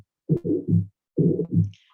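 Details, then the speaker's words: Aortic stenosis murmur played in a heart-health talk as the most common murmur with ageing, from a hardening valve: two heartbeats, each followed by a harsh rushing murmur. "you have a murmur this is the most common heart murmur as you get older is this aortic stenosis murmur because the valve is getting harder and harder"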